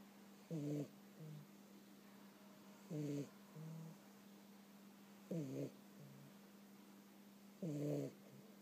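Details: Sleeping cat snoring during a summer nap: regular squeaky, whistling snores, each followed by a softer breath, about 25 a minute, over a steady low hum.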